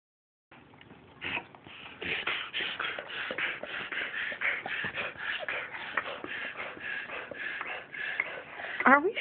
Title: My dog reverse sneezing